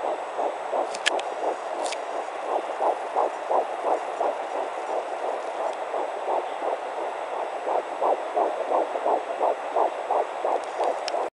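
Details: Fetal heartbeat at 10 weeks 3 days of pregnancy on a fetal Doppler: rapid, regular whooshing pulses averaging 159 beats a minute.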